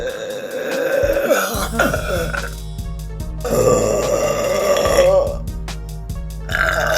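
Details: A girl's voluntary burping, made by swallowing air: long, drawn-out voiced burps over steady low background music.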